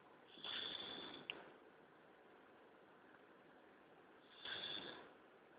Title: snoring